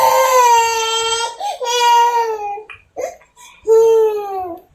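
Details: A 1-year-old anemic boy wails loudly in drawn-out cries with catches of breath between them while being given vitamin C; infant crying.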